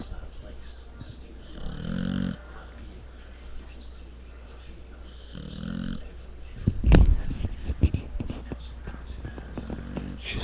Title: pitbull snores lol